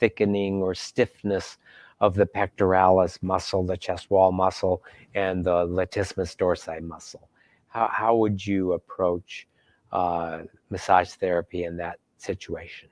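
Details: Adult male speaker; no voice disorder.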